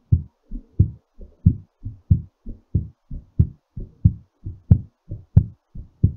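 Steady lub-dub heartbeat at about 90 beats a minute, a slightly quick rate while recovering after exercise.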